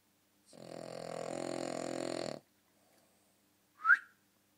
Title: Loud snoring dog is loud !